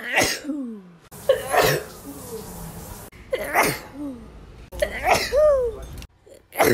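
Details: Sneeze compilation: several loud sneezes in a row, each a sharp explosive burst often followed by a short voiced trailing sound.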